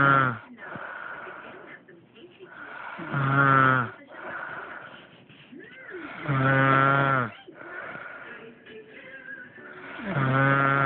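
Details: A person recorded asleep by their brother snores heavily: loud, rough, vibrating snores at about 17 breaths a minute, with softer breathy sounds between them.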